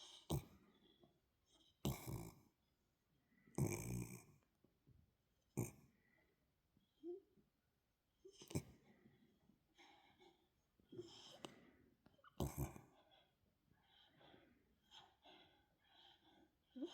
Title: Sleepy Snoring